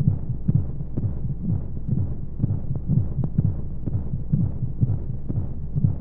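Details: Womb-sound sleep aid for babies: fast, muffled whooshing heartbeat, about 125 beats a minute, over steady rushing flow noise, as heard inside the womb; heartbeat.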